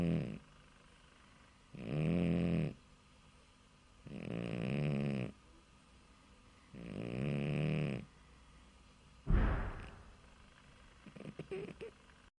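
Low rumbling snores repeat with each breath, about 25 a minute, in a quiet room: snoring from a sleeping cat.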